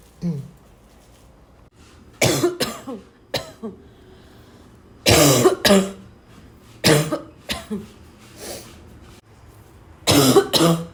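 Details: Repeated harsh, dry, barking coughs in short clusters with throat-clearing and snorting between them; a dry barking cough.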